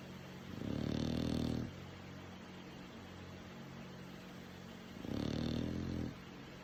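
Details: Two long, low, rattling snores about four seconds apart over a steady quiet room hum: ordinary snoring.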